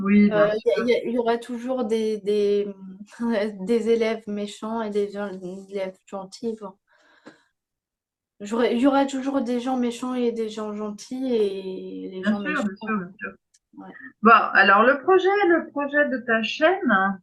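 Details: Young woman with post-stroke aphasia after a stroke at age 22; words come more slowly than before and grammar had to be relearned; aphasia.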